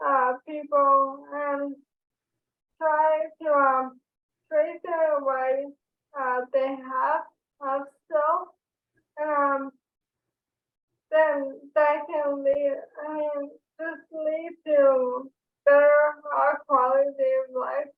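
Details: Woman diagnosed with ALS in 2014; dysarthria (ALS).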